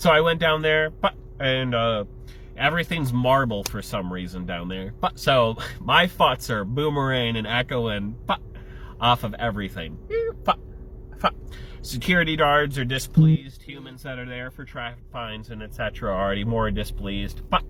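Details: Adult male with Tourette syndrome, tics including an obscene-gesture motor tic and a yelled F-word vocal tic; vocal tics (Tourette syndrome).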